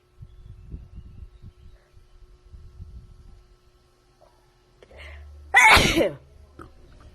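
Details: Woman sneezing again in a quiet hotel room: a single sharp, loud sneeze with a brief in-breath before it, with faint rustling around it.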